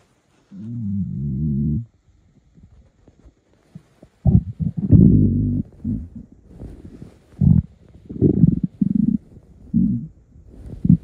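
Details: Morning hunger stomach rumbling in a male: a long low gurgling rumble, then shorter bubbling gurgles; a normal finding.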